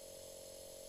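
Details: Philips Respironics InnoSpire Essence compressor nebulizer with SideStream nebulizer for home aerosol therapy (e.g. asthma), switched on for a treatment with the user sitting upright: steady faint mechanical hum and drone with hissing airflow.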